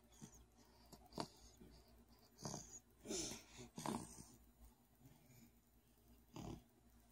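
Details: A sleeping dachshund snores with irregular snorting, rattly breaths in a quiet room, some louder than others, while a baby also snores alongside.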